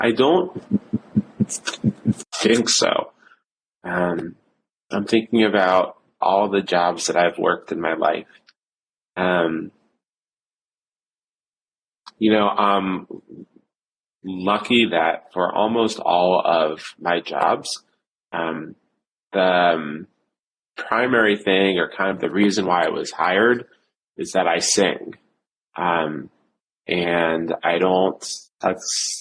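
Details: Adult male who reports stuttering with blocks, repetitions and secondary facial behaviours, severe since age seven. Stuttering.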